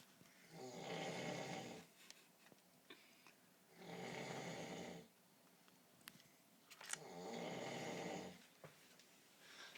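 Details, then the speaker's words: Adult man asleep at about 2 a.m.: three loud, rough, rattling inspiratory snores about three seconds apart, roughly 19 a minute, with quiet breathing between; heavy snoring said to shake the house. "that is ridiculous he snores and Shakes the entire house"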